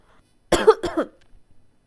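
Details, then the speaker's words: Adult tarot reader who apologizes for coughing while recording: two short, sharp coughs in quick succession in a quiet room. "Kalau kamu dengar aku suaranya batuk-batuk, mohon dimaklumin."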